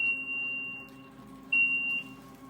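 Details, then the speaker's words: End-stage renal disease patient on hemodialysis awaiting kidney transplant; two sustained high electronic beeps from the hemodialysis machine over quiet room hum, routine alert tones during treatment. "I'm in treatment right now. So, that's what you're hearing. You hear some beeps. That's me um in treatment right now."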